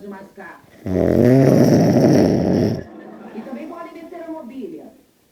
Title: Roncando de madrugada "ninguém merece"